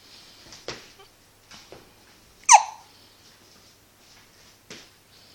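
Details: Baby boy with hiccups, sounding like a squeaky toy: several brief, abrupt catches in breathing in a quiet room, one louder with a small voiced squeak.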